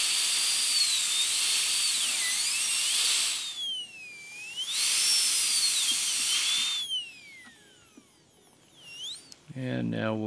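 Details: Dental high-speed drill during full zirconia crown preparation of tooth #3 (upper first molar), guide cuts on the mesiobuccal cusp: high-pitched whine in bursts, pitch dipping as the bur cuts tooth.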